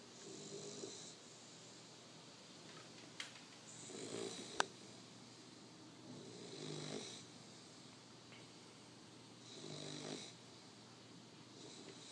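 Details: Male bully dog asleep: soft, regular snores about every three seconds, roughly 20 breaths a minute, in a quiet room; snoring in a dog.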